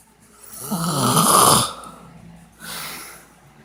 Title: |My dads snoring| ps: he asked me to do this once he falls asleep